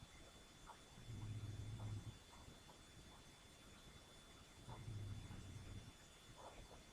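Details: A sleeping cat snoring quietly: two soft, low rumbling snores about four seconds apart over faint room hum. Snoring.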